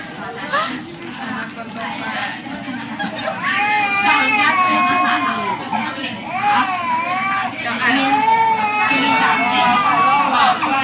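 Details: Young girl crying after an injection, trembling: sustained wailing cry with a shaky, wavering pitch and sobbing breaths, over a steady background hiss.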